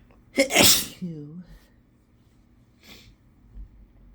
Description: Inducing myself and then just letting them out, because I wanted to